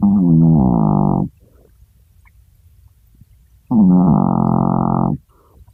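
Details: Sleeping Chihuahua snoring: two long, loud, rumbling snores with quiet gaps between, surprisingly deep and forceful for such a tiny dog.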